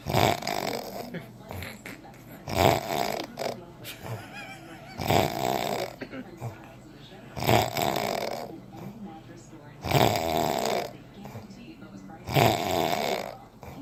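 Loud, rough snores recur with each breath, about 24 a minute, in a steady rhythm: ordinary snoring during sleep.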